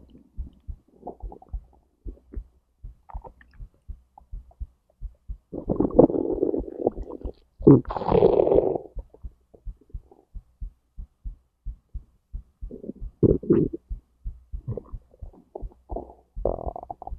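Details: Digestive bowel sounds (borborygmi) recorded alongside heartbeat, stomach to intestines: frequent gurgles, squelches and clicks with longer rumbling runs; active normal digestion.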